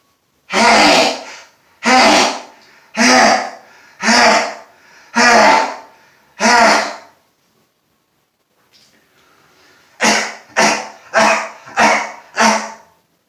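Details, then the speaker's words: Adult man sneezing repeatedly after sniffing pepper, on a day of already heavy sneezing: eleven loud sneezes in two quick bursts, six then five. "i'm here with you sneezing my ass off but i'm going to attempt to uh put a covered mask on and i've got some pepper here i want to sniff too before i put it on"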